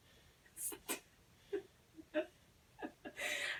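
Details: Adult undergoing a student-nurse respiratory assessment, stethoscope placed on the chest, takes two deep breaths on request: several short, forceful breath sounds with an airy hiss; normal breath sounds.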